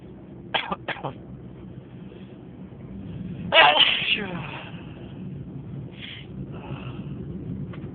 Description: On this video I sneezed for 6 minutes....more of 30 sneezes. Enjoy!!